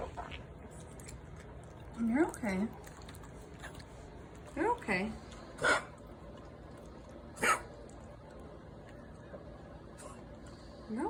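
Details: A dog named Revvy gives a run of short, harsh coughing bursts, some with a honking, voiced edge, in a quiet room; dog cough.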